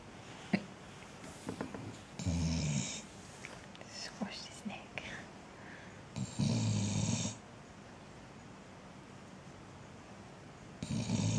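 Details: Snoring, owner suggests from being hot: low, rattling snores on in-breaths with snuffling and soft noises between, at an irregular, slow breathing rhythm.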